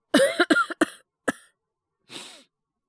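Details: Simulated cough: a male voice actor plays a boyfriend with a cold and high fever, giving an acted run of about five short coughs followed by a breathy exhale.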